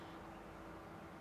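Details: Endoscopic ear wax microsuction of a wax plug interwoven with a strip of skin: steady, even suction hiss with no pitch change as wax is drawn from the ear canal.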